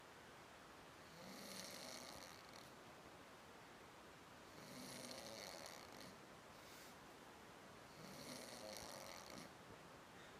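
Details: Adult man snoring: three slow, rasping breaths about three and a half seconds apart against steady hiss, around 17 breaths a minute.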